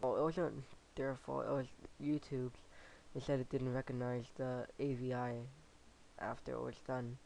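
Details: Lateral lisp in a male speaker, who says he has had it since fifth grade.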